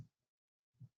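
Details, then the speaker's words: Simulated aortic regurgitation from a SAM 3G auscultation simulator's sound library, played within a teaching lesson: low heartbeat thumps about 0.8 seconds apart. "when i pull that up it's going to um play in this case it's um aortic regurgitation that will play"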